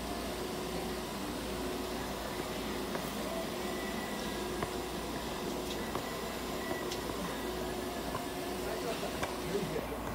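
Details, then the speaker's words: Budgerigar under veterinary treatment in an ICU incubator running warmed, humidified oxygen therapy. "ICU 内で保護個室酸素療法を行っています。"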